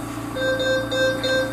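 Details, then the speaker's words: SERVO-i ventilator alarm: repeating pure-toned electronic beeps, about four in just over a second, over steady machine hum. "자 가장 많이 쓰는 알람을 끄는 기능입니다 끄면 2군 동안 알람이 엄 위치가 되고요 2분 후에는 다시 알람이 나오게 됩니다"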